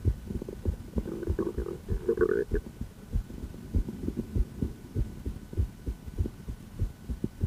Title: Female heart, auscultation, heart-tour